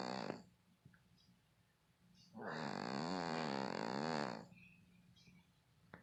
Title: Snoring Snowflake The Cat